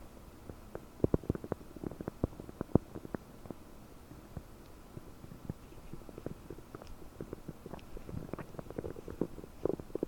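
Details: Gurgling abdomen about 9 hours after eating 30 prunes, recorded with a desktop microphone, feeling very bubbly and bloated: frequent quiet pops, clicks and bubbling gurgles over a low hiss, i.e. active borborygmi (loud bowel sounds).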